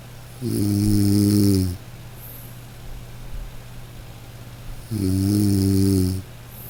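Two loud, buzzing inhaled snores with quiet breathing between them; ordinary snoring.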